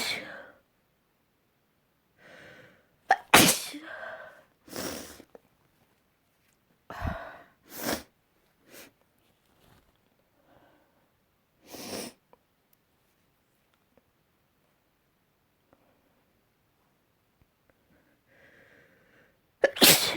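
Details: A series of sharp, explosive sneezes separated by quiet gaps, with a few soft breaths between; ordinary sneezing.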